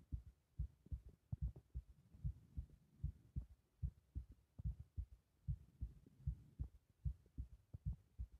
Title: 拍動強めな頸動脈